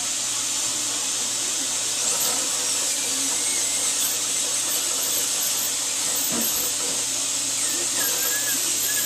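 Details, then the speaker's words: Dental polishing handpiece polishing a completed bonded white (tooth-coloured resin) filling after bite adjustment; high, steady whine with shifting squeals. "The final step will be adjusting the occlusion, or the bite on the tube, and after which we will polish the filling."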